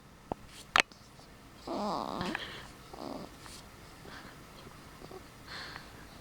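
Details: Soft snorting, snuffly breath sounds from a sleeping baby, a common noisy-breathing pattern in infants.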